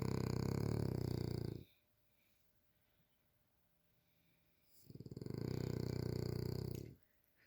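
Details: Loud, heavy snoring from a sleeping animal: two long rattling snores about three seconds apart with quiet pauses between.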